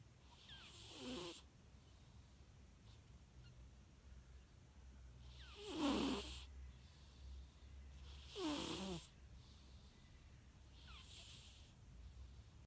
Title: Cat sleeping and snoring